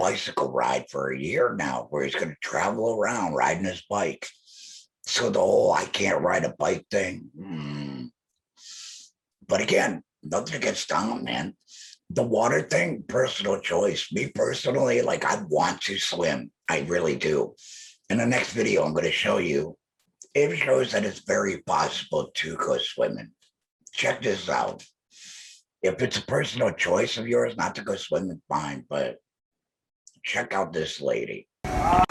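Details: Adult male laryngectomee speaking with alaryngeal speech after laryngectomy; alaryngeal speech (laryngectomee).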